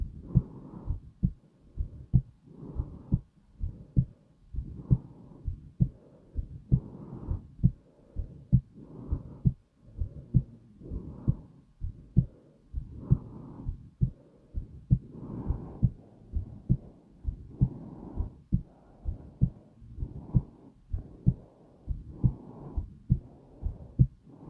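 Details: Steady, low, soft thumps of a slow, calm heartbeat, with paired beats repeating in an even rhythm.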